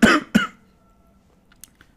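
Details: Two short, loud coughs in quick succession from an adult with a cold and hoarse voice, followed by quiet; cough.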